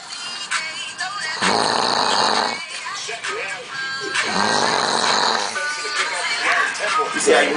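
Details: Two long, loud rattling snores from a man (Lolo) sleeping with a phone on his chest, compared to a bear or motorcycle, with room noise and background music; heavy snoring.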